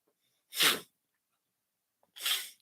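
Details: Adult man with stuffy, nasal congestion who took Benadryl, during a live stream: two short, sharp, hissing sneeze bursts in a quiet room; sneeze.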